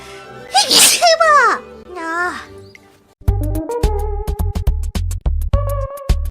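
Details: Streamer's hiccups and sneeze overload: one quick explosive sneeze followed by a brief vocal sound, then loud rhythmic background music.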